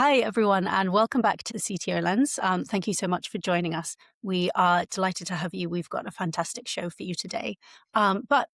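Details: Adult woman speaking; normal voice.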